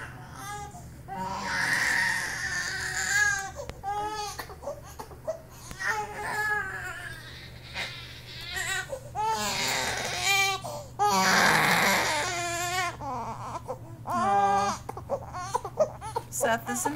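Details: Infant during tummy time with repeated bouts of crying, and whimpers and babble between them, over a steady low room hum.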